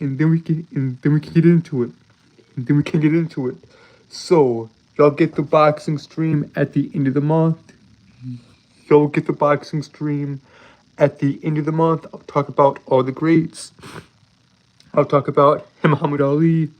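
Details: Stuttering in an adult male streamer who says he has a speech impediment that makes him stutter and trip over his words; finding: stuttering.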